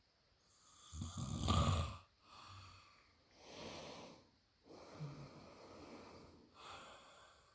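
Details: Loud, rough, rattling inspiratory snores from a sleeping man with noisy exhalations, several cycles over seven seconds; heavy snoring.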